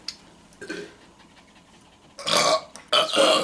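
Two loud, rough belches in close succession after a quiet stretch: burping.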